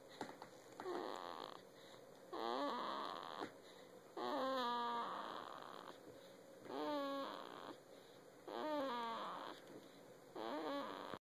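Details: Six-day-old newborn sleeping on his father's chest: soft rhythmic noisy breathing at about 30 breaths a minute with some squeaky snoring tones; normal infant snoring.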